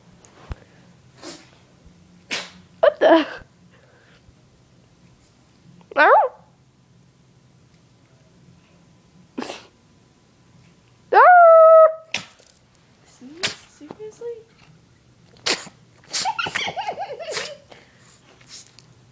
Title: Onyx Howls and sneezes all in one video. Funny Dog.